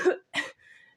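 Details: Child coughing during a home recording, with a thunderstorm outside: two short, harsh cough bursts followed by faint room noise.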